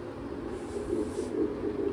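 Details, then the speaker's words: Rapid, rhythmic whooshing pulses over a steady hiss as family members hear a pregnant woman's unborn baby's heartbeat on a listening device for the first time; fetal heartbeat. "वापस लगाओ, पहली बार सुन रहा हूं ये आपके यहां पे heartbeat नहीं हो रही है, वही धक धक धक धक हो रहा है।"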